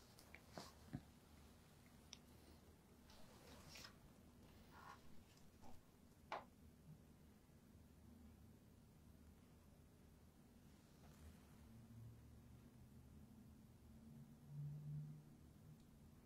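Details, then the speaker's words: Adult abdominal examination, stethoscope over the abdomen: soft irregular gurgles and clicks, normally active bowel sounds, neither hyperactive nor hypoactive; patient may be a little hungry; normal bowel sounds. "okay sound like you may be a little hungry so just listening for your bowel sounds i hear they're normally active nothing hyperactive or hypoactive"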